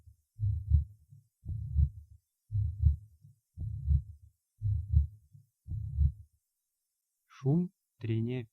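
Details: Tricuspid regurgitation at the fourth auscultation point: heartbeat near 57/min with a weakened first heart sound and a blowing systolic murmur.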